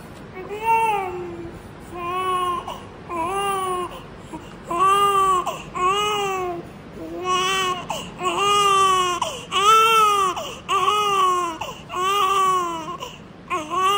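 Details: Big 5 kg newborn baby crying: repeated rhythmic crying, about ten strong cries with brief breaths between; a normal, vigorous newborn cry.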